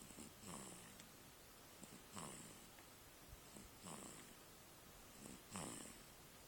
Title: Snoring Beast